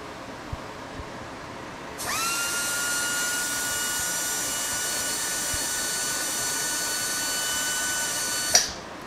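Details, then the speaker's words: KaVo low-speed dental handpiece motor run on a flow meter during an airflow test, measuring about 36 standard litres per minute: steady high-pitched whine for about six and a half seconds, then stopping. "Next is going to be the KO Proy Whiz. These are all low speeds."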